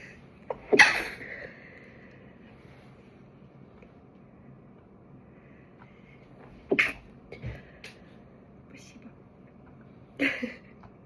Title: some sneezes